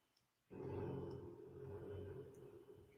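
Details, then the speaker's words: Nala, a big sleeping female husky, gives a long, low, rattling snore that fades slowly after a sudden start, loud in the room behind the speaker. "My gosh, can you guys hear Nala snoring behind me? Our big husky."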